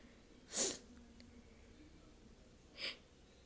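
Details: Two sharp, hissing sneezes about two seconds apart in a quiet small room, deliberately self-induced by someone with a usually stubborn nose; loud sneezes.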